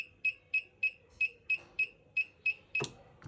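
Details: Skrilix Megamax therapeutic ultrasound machine in 3 MHz mode as intensity is raised: regular short high-pitched electronic beeps, about one a second; normal operating tones.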